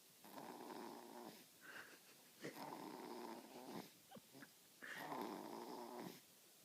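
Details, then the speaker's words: Infant asleep in his car seat snores with raspy, buzzing snores on each breath, about 30 breaths a minute; noisy nasal snoring likened to a pug. "Okay, this baby has fallen asleep in his car seat and he is snoring like a little pug."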